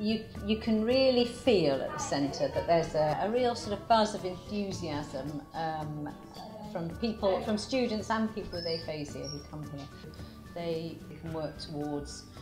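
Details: Adult speaker; normal speech.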